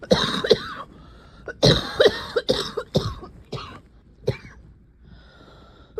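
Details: Adult's crackly barking cough: harsh bursts in two clusters with quiet breaths between, slight wet rattle, usually a dry cough.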